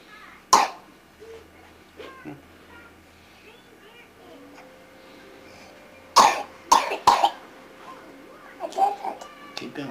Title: coughing